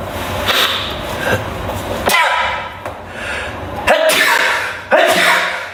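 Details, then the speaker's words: Male livestreamer, possible allergy, sneezing repeatedly on stream, remarks it is so cold; several loud, sudden sneezes in a row, each a sharp burst of air and voice, with room noise between them. "天哪！我打走了喷嚏，然后太冷了。"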